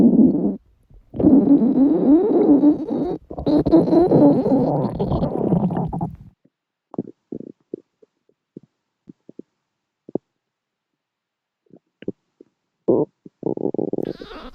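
Long gurgling rumble followed by scattered short gurgles and pops, with faint music in the background; ordinary stomach growling.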